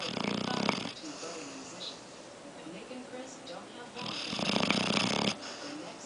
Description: Apollo snoring & dreaming